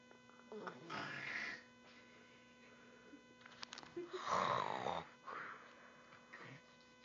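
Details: Loud snoring.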